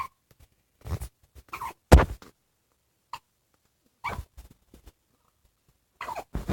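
Short, abrupt gulping bursts in pairs and small clusters, separated by silence, fitting repeated hiccups.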